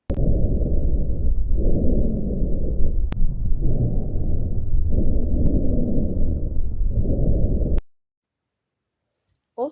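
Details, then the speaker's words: Example of rhonchi in a lung auscultation demonstration: low-pitched, continuous rumbling breath sounds in repeated cycles, presented as continuous adventitious sounds. "embora apareça na inspiração e expiração predomina nessa surgem e desaparecem Em Curto período agora um exemplo dos sons contínuos"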